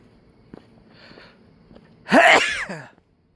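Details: Single loud explosive sneeze from a male at night while walking home, after a quiet intake of breath, with faint outdoor background noise.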